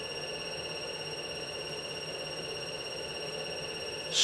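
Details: Steady, high-pitched electronic tone over faint room hum as a dental diode laser fires at setting 1.5 with its fiber touching an apple in a laser-tissue interaction demonstration.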